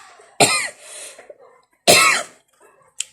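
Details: Cough: two sharp, harsh dry cough bursts in a quiet room, with a faint third short sound at the end.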